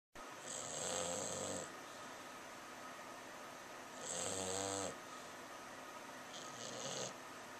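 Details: English Bulldog asleep after a tiring day, snoring loudly like a truck; also barking and running in his sleep. Three loud, rattling snores with breaths about every three seconds.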